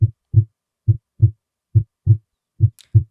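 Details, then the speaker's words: Regular paired low heart thumps (lub-dub) at about 70 beats a minute: the normal first and second heart sounds, S1 and S2, played for comparison before an S3 lesson. "Now lets listen to S1 and S2 for couple of seconds."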